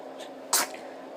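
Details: A single sharp, breathy sneeze after a short intake of breath: sneezing.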